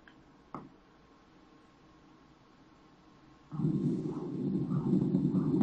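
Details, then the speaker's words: Uterine artery Doppler in a 21-week pregnancy, sampled after the artery crosses the external iliac vessels. A steady pulsing whoosh shows normal low-resistance flow. "بقى الباقي تظبيطات دوبلر بقى اليوتراين ارتري من الارتريز المعروف انها فيري لو ريزيستنس انا بجيبه بعد السايت اوف كروسنج تمام النورمال بتاعي تمام لازم يكون الدايستول عالي تمام بالنسبه للسيستول"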